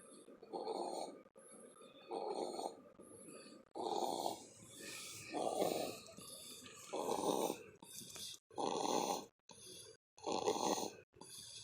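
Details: Sleeping 13-pound baby boy snoring really hard: loud, rattling snores in a steady rhythm, about 36 a minute, with short quiet gaps between.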